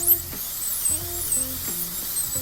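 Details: High-speed dental drill modifying taper on a central incisor PFM crown preparation during preparation evaluation; high-pitched whine rising and falling in brief bursts over background music.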